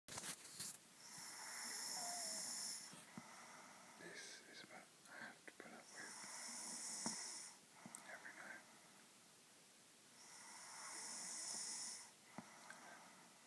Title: She thinks she doesn't snore